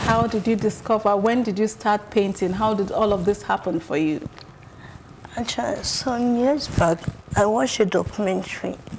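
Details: Adult woman, interviewer; Typical speech.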